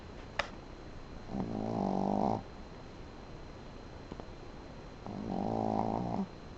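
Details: Sleeping dog snoring: two buzzing, droning snores about three seconds apart in a quiet room. Snoring.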